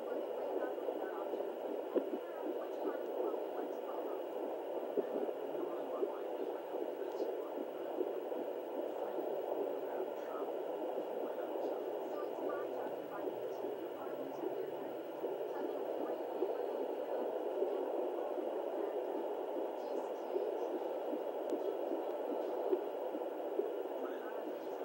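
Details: Fetal hiccups heard on a home Doppler at 32 weeks 6 days of pregnancy: steady whooshing fetal heartbeat broken by occasional soft bumps from the baby's hiccups.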